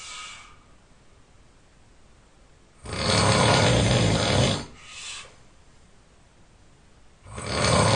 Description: My snoring is relentless ... nothing could stop me.